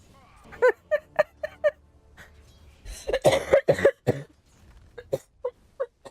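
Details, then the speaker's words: Smoker's cough: a young woman who smokes and has allergies has repeated deep, harsh coughing fits while gaming; real and unscripted. "Жесть. Чёртов кашель. Блин. Или вам слышно только мой чертов кашель?"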